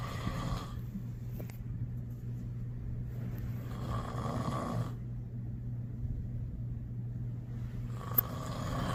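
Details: Sleeping father snoring: loud, low rumbling snores with each breath, about two breath cycles in nine seconds, with a steady low hum in the room.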